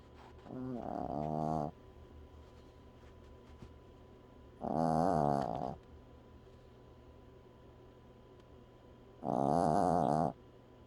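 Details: Dog: three loud, rattling snores, each about a second long and several seconds apart, quiet between; ordinary snoring.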